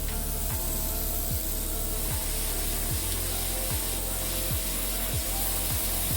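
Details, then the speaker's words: Podiatry drill thinning and cleaning back a woman's deviated, discolored, damaged toenail (keen runner, nail previously came off); continuous loud buzzing with low pulse about 73 per minute. "And what I'm going to do now is just drill and clean everything back. Bear with me, please."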